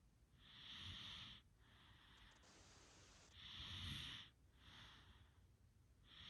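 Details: Snoring during sleep: hissing, whistling soft nasal snores at about 20 breaths a minute.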